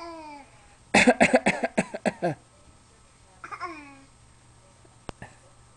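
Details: Voluntary fake cough: a young child gives a quick string of about seven short, voiced, imitation coughs.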